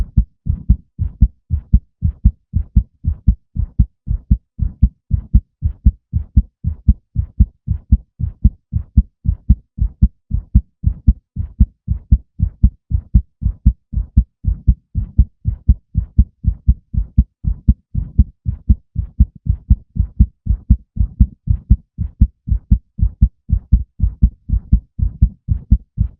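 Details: Steady, regular low thumps of an adult male heartbeat with a normal, even rhythm; normal heartbeat.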